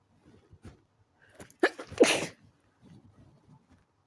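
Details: Soft breaths, a quick half-held sneeze, then a fuller, louder sneeze burst; sneezes growing stronger from stifled to loud, ordinary sneezing.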